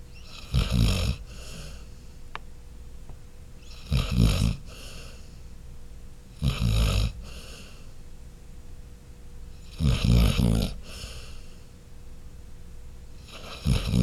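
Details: Sleeping dog snoring: loud, rough, low snores repeat about every three seconds, roughly 18 a minute, with quiet pauses between breaths.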